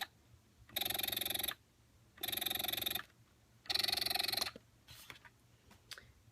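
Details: Spectra S2 electric breast pump in expression mode, run without flanges against skin: three long buzzing motor cycles about a second each, separated by short pauses.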